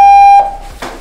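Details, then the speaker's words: Simulated adult ACLS cardiac arrest on a manikin, patient still in VF: loud steady charge-ready tone cuts off, then a brief noise burst as a 200 J defibrillator shock is delivered after countdown. "please let's sh again charging at 200 je shock ready clear the patient 3 2"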